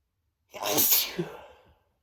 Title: Sneezing on myself (m)